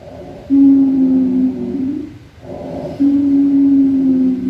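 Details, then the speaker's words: Expiratory wheeze played in a chest and thorax assessment demonstration: two long, steady musical whistles on breathing out separated by a quiet pause, described as a "z" sound, usually seen in asthma. "it sounds like it produces z sound okay so usually asthma"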